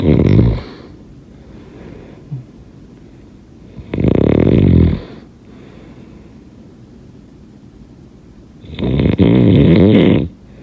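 Loud, rough snores on each breath in, about every four and a half seconds, with quiet room noise between: snoring.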